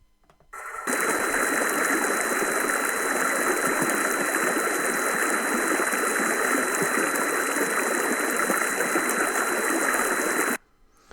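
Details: Simulated tinnitus in a person with high-frequency hearing loss centred on 4000 Hz, unaided: loud rushing stream with a steady high-pitched whistle cutting through, tinnitus seeming louder than ambient noise.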